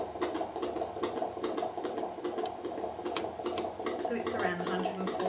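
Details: Fetal heart on Doppler during antenatal abdominal examination: rapid, regular whooshing pulses at about 140 a minute, with some later scraping noise; normal fetal heart rate.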